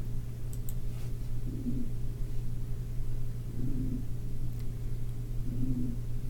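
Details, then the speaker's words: Rhonchi demonstrated in a teaching example of adventitious breath sounds: rough, very low-pitched, wheeze-like snoring sounds recurring with breathing, from secretions in the larger airways. "you hear that that real rough almost not crackling but very low-pitched wheezing"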